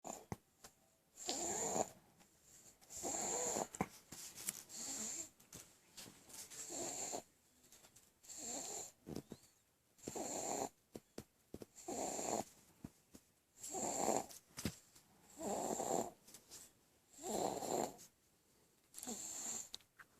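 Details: Sleeping baby with repeated snorting, raspy snores on each breath, about 33 a minute, fairly regular; noisy snoring.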